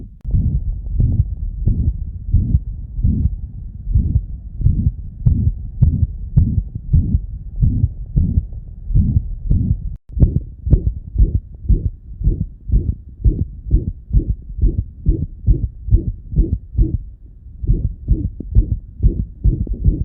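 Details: Fast canine heartbeat with a loud, harsh murmur filling each beat: mitral regurgitation murmur in a dog with myxomatous mitral valve disease (endocardiosis), in a demonstration of murmur grades I–VI.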